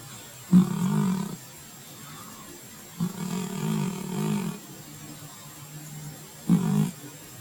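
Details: Cat asleep on the couch, snoring loudly; toward the end a plane flying overhead disturbs her sleep.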